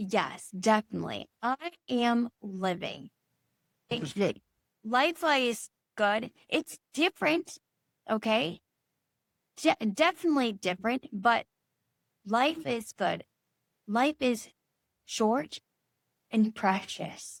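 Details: Adult woman, stroke survivor nine years after surgery, with chronic aphasia and apraxia; Broca's aphasia with apraxia of speech.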